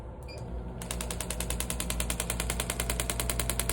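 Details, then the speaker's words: Shockwave therapy handpiece on a patient's Achilles tendon near the heel for residual scar tissue after injury: rapid steady clicking pulses, about 200 a minute, from the vibrating piston. "So again, that sound you're hearing is that piston vibrating back and forth."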